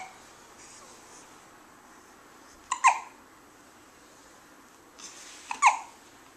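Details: Hiccups in an awake young boy: two abrupt, sharp hiccup sounds about three seconds apart over quiet room noise.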